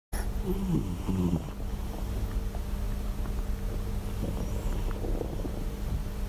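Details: Adult-sounding low, rumbling, purr-like snoring from a sleeping hachiware cat, deep enough to resemble a man's snore, over a steady background hum.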